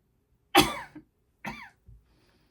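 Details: Two short harsh coughs and a smaller third within two seconds from an adult with asthma, worsened by something allergic in the room; asthmatic cough.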